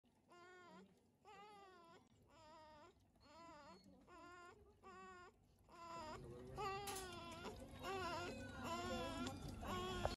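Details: Newborn in respiratory distress makes short, whimpering voiced sounds with each rapid breath out: expiratory grunting, air pushed against a closed glottis, which prevents the alveoli from collapsing.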